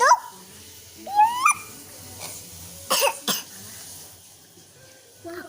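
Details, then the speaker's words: A child gives two short, sharp coughs, with brief high-pitched vocal sounds before them, in a quiet room; cough. "Mama aku harus maaf lagi batuk."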